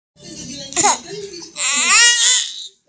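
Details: A baby, looked after by the father while seeking the mother, fusses briefly, then lets out a rising, high-pitched wail that falls away; infant crying.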